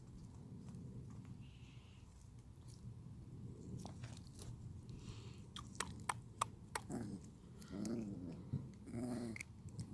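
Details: Puppy teeth grinding (bruxism) in a female puppy: sharp scraping clicks and squeaky grating noises over a low rumbling background.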